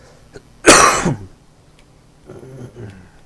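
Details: An adult gamer gives a single sharp, dry cough burst with faint background game sounds: dry cough.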